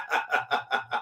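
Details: Adult man with Tourette syndrome whose tics include violent head nodding, raspberries, chirps and hoots; the sound is cited right afterward as an example, a laugh-like tic; vocal tic (Tourette syndrome).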